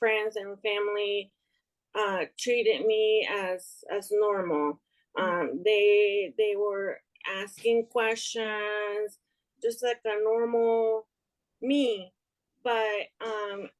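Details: Aphasia in a young adult woman after an ischemic stroke in March 2020 that left her unable to speak and affected her right side; she is still recovering and reports word-finding difficulty, heard in conversational speech.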